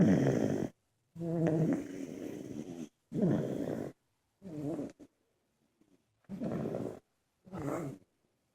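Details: Several sleeping family members snoring: six rough, vibrating breath sounds separated by pauses, about 19 breaths a minute.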